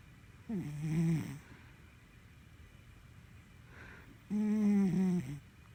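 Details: Red, a sleeping Sphynx cat, snoring: two loud, rumbling snores on the in-breath with a quiet out-breath between them.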